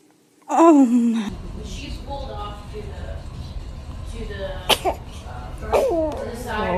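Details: Small high-pitched baby sneeze, then soft squeaky vocal sounds and another brief sneeze-like burst over background music and laughter; infant sneezing.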